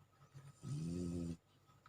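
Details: Bulldog snoring while asleep: one loud, low, buzzing snore of about half a second rising from quiet breathing.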